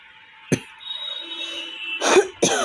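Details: Three short, sharp coughs without rattle or wet sound over a faint steady tone, from an adult with a cough they attribute to gas, no cold; a dry cough.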